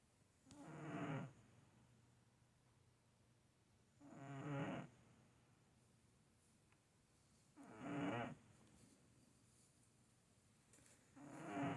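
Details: Sleeping cat with ordinary snoring: soft, regular buzzing snores about every three and a half seconds, roughly 17 breaths a minute.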